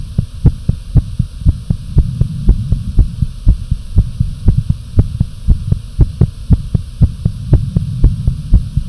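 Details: Fast, pounding, visible heartbeat recorded with some breath holds: fast, regular low thumps at about 118 beats a minute over a steady hum; rapid heartbeat, tachycardia.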